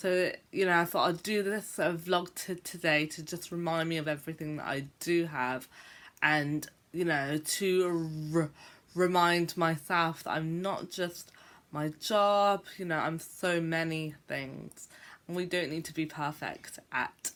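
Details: Adult woman who describes herself as a stammerer, speaking on what she calls a bad day; part-word and word repetitions are present; stuttering (stammering).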